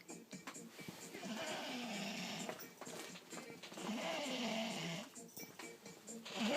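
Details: Long, raspy, uneven snoring breaths, about 24 a minute, with a television or music playing in the background; snoring.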